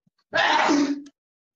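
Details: A single loud, explosive sneeze ending in a short voiced tail; sneezing.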